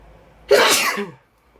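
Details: Person recording themselves sneezing: a single sharp, explosive sneeze after a brief silence, with a short voiced tail.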